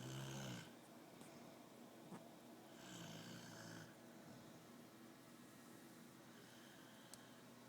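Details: A man, a Marine, fell asleep while playing a computer game and snores really loudly.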